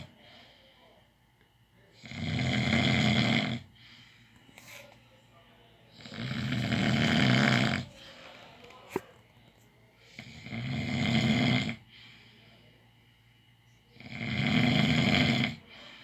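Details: Four loud, rasping snores at about 15 breaths a minute with quiet gaps between them; snoring.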